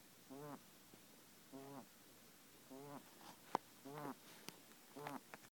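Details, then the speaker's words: Pet guinea pig with a breathing problem: four brief, high-pitched squeaky noises about every 1.2 seconds, matching its breaths, with a few sharp clicks; abnormal noisy breathing. "Kenny's, why are you breathing like that?"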